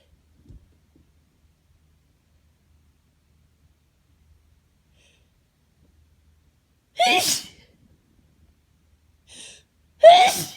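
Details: UK person allergic to grass at home, sneezing nonstop on holiday in Florida, not around animals: quiet room, then two sharp sneezes with a short breathy sound between; allergic sneezing.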